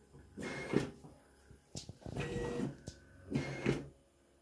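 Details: Romanian-made ventilator for coronavirus patients: repeated mechanical whooshing pushes of air with faint clicks as it cycles; mechanical ventilator cycling.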